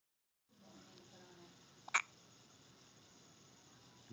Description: Yet another bout with the dreaded hiccups